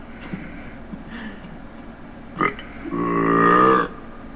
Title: Scooby-Doo (2002) Burping and Farting challenge